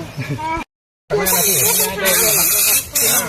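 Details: Aerosol spray: loud steady hissing bursts after a brief voice. Muscle-pain relief spray is being applied to runners resting during a trail walk-run event who may have muscle aches.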